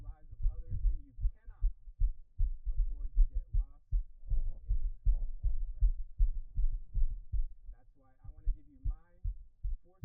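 Strong, quick, regular thumping heartbeats with faint voices in the background; a fast, pounding heartbeat.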